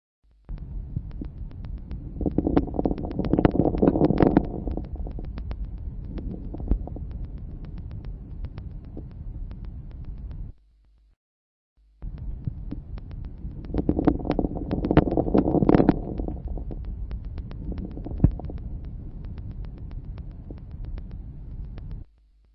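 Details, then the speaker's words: Teaching recording of lung auscultation: two slow breath cycles with many fine crackles increasing toward the end of each inspiration, seen in alveolar disease: late inspiratory crackles. "Ils sont nombreux, il s'agit de crépitants fins, ils augmentent en nombre et en intensité à la fin d'inspiration. Ce caractère est mieux perçu lors d'une ventilation à faible fréquence et grand volume courant."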